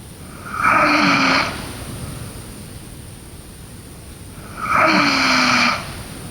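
Two long, rough, buzzing breaths about four seconds apart over steady room hiss: snoring during sleep.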